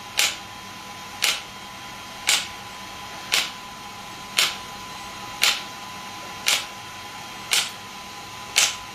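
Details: Shockwave therapy device (SW5S, used for ED and plantar fasciitis) firing during a session with gel applied: sharp, evenly spaced clicking pulses, about 57 a minute, over a faint steady hum.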